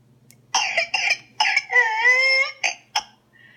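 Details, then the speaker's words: Whooping cough (pertussis, Bordetella pertussis): rapid harsh cough bursts broken by a long, high-pitched, drawn-in whoop during a severe coughing fit. "commonly known as whooping cough is caused by bordetella pertussis the pertussis bacteria enter the lungs and cause swelling and irritation in the airways leading to severe coughing fits"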